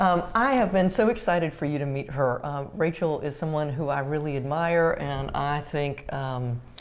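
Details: Adult woman speaking; Normal speech.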